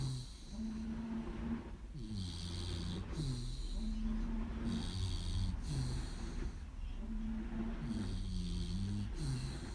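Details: Loud snoring from a sleeping American Pitbull Terrier: repeated low, rattling breaths about every two seconds, alternating in and out.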